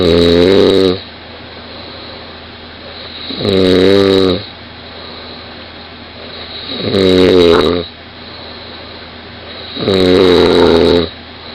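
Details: 20-year-old woman snoring very loudly in bed, recorded beside her: loud, rough inspiratory snores, four in about twelve seconds, roughly 18 a minute, over room noise.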